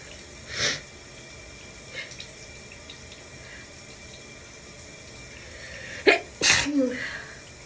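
A few sneezes over the steady hiss of running shower water, including a quick double sneeze near the end.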